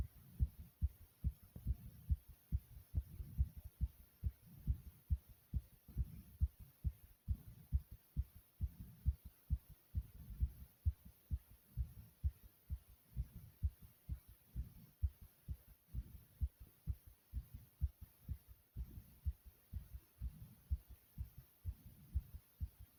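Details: Fast heartbeat of the person recording, whose heart is beating really fast: a quick, steady run of low heart thumps.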